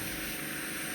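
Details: Endoscopic ear microsuction on a woman with suspected ear infection and discharge; unaffected, oiled ear done first: steady loud hissing, rushing suction noise clearing wax and debris.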